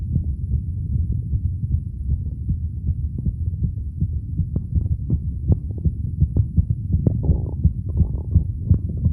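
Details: Adult male's own normal heart sounds, self-recorded with a phone microphone at the standard auscultation sites, with a few pushes at the end; sound quality limited by the phone.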